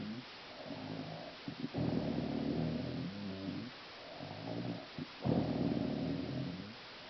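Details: An adult woman (mom) snoring heavily: loud, rough, fluttering snores on each breath in, separated by quieter breaths out; two strong snoring cycles.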